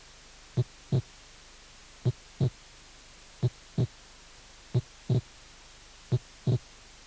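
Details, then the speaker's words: Normal heart sounds: second heart sound with physiological splitting, slow regular rhythm near 44 a minute. "segundo ruido fuerte y desdoblamiento fisiológico del segundo ruido"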